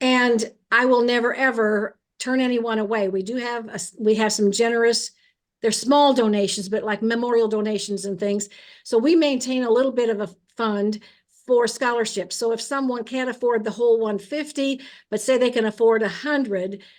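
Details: Adult woman; normal speech.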